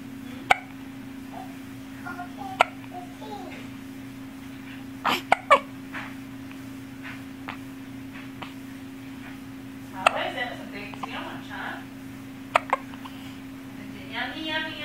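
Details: Sleepy young child with hiccups: brief, sharp hiccup sounds every few seconds, about five in fifteen seconds, with soft babbling in a quiet room with a steady hum.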